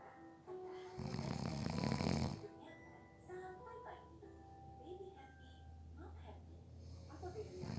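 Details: A person napping lets out a loud snoring breath against a low rumbling background, with music playing throughout: snoring during sleep.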